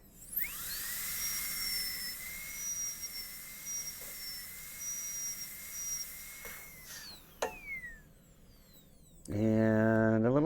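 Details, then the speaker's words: Steady high-pitched whine of a high-speed dental drill running several seconds then winding down, cutting a distal-occlusal Class II preparation on a maxillary molar in a teaching demonstration. "so now we're going to cut from there in straight we'll adjust the angle until it's 90° by trial and airor it's a little bit obtuse"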